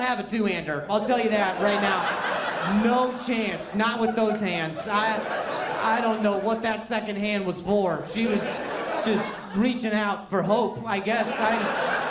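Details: Adult male stand-up comedian with a severe stutter for over 10 years, which he ties to anxiety and links to a traumatic brain injury from being hit in the throat by a softball; stuttering.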